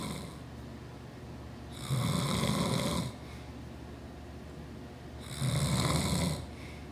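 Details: Adult male (father) snoring: two loud, rough, rattling inspiratory snores about 3.5 seconds apart, quiet breathing between, in a quiet room.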